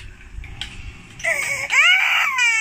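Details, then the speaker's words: Baby boy crying amid talk of him calling "mama": whimpering builds into a full, high-pitched wailing cry with a strong, clear voice; an ordinary infant cry. "No, he looks so cute when he's crying. He looks so cute when he's crying."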